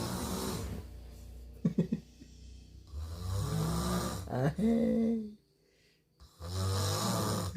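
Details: Person snoring while asleep: loud, rough rattling breaths with a pause between cycles and faint talk nearby; snoring.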